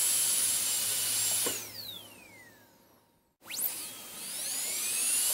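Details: Dental drill recording switched on and off, made as ASMR sleep sounds: a high-pitched whine winds down to silence, then spins back up to full speed.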